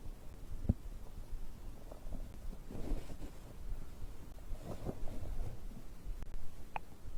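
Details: Bowel sounds after drinking a beverage: soft, low gurgling rumbles and bubbling from the belly; ordinary stomach growling of digestion.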